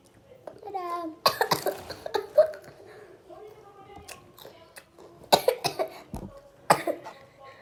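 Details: Child coughing after eating a ghost pepper: a brief voiced sound, then several sharp, harsh coughs in bursts with short pauses and murmured voices between them, a coughing fit.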